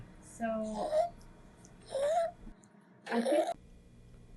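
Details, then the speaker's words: Child with upper airway obstruction showing subcostal, intercostal and suprasternal retractions and head bobbing: three harsh, high-pitched crowing breaths in quick succession. Stridor. "So there's a good notice here that the patient is experiencing strider with subcostal retractions, intercostal retractions, supernal retractions and head bobbing."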